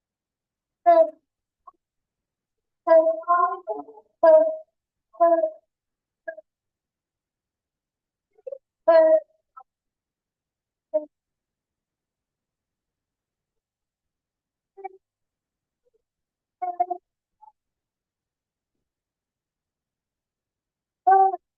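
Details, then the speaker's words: Inspiratory stridor in an agitated young girl who does not look toxic: noisy breathing heard predominantly on every in-breath. "I want you to notice the the phase of respiration that the child has the noisy breathing. The strider is in an inspiratory phase predominantly. Every time she breathes in, she's got strider."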